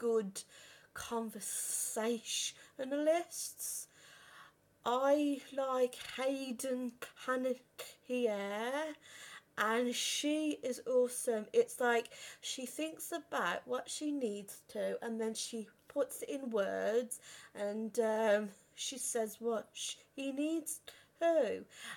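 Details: 32-year-old who has stuttered since about age five or six, worst on the phone, had speech therapy and breathing techniques at 15; stuttering.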